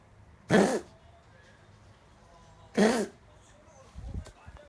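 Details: An animal gives two sharp, forceful cough bursts a couple of seconds apart, with a slightly harsh, honking edge.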